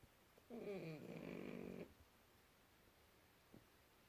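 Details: Pug snoring in sleep: one drawn-out, rattling snore of about 1.5 seconds in a quiet room, noisy flat-faced dog breathing.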